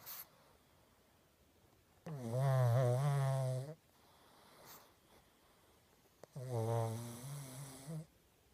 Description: My pug is so loud lol 😂